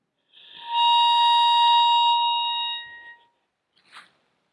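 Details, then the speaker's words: Training albuterol inhaler whistling steadily for about two and a half seconds during a slow, controlled inhalation, demonstrating correct inhaler technique; a real inhaler makes no such noise. "now this is a training inhaler and so it actually makes a noise when I start breathing in your inhaler will not do that"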